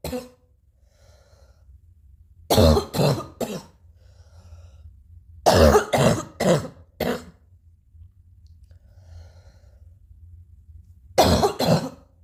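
About ten harsh, explosive coughs come in short bouts of two to four, separated by quiet pauses over a low steady hum: repeated coughing.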